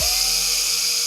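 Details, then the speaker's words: Surgical bone drill during veterinary fracture repair of a fox's severely injured leg: high-pitched steady whine of an orthopaedic power drill placing bone screws, one screw below and one above the fracture line. "Once we've got 2 screws in, we're pretty much laughing. It's going all right now, as long as that drill keeps working."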